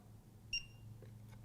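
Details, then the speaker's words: CPAP ozone disinfector started by holding the button about 3 seconds with the CPAP tube plugged in: one short high electronic start beep over low machine hum as the ozone cleaning cycle begins. "The machine then starts generating ozone, which feeds it all the way through the tube and into the chamber to adequately kill 99.9% of all bacteria and pathogens."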